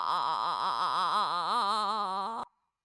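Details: Patient with muscle tension dysphonia and strained voice quality, which improved after humming and other voice exercises; muscle tension dysphonia.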